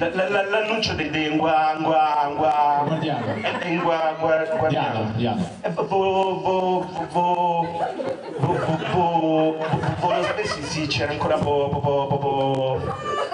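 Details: Acted stuttering performed in an Italian comedy cabaret sketch about a stutterer's jobs, with repeated sounds and syllables; stuttering (acted)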